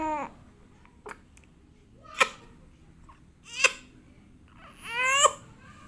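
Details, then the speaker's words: A few short, voiced coughs from a baby girl mixed with fussy crying sounds; parent is unsure whether the cough is real or just acting in front of her father. "Nah, batuk juga. Dede batuk juga."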